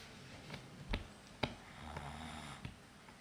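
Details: Snoring in a sleeping young son: soft, low rattling snore through the middle of the clip, with a few faint clicks and snuffles in a quiet room.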